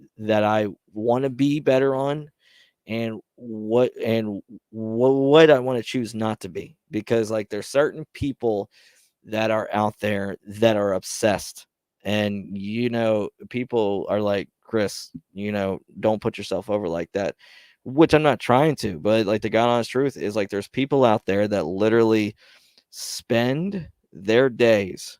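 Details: Man who describes having his own stutter, speaking on a live stream; stuttering.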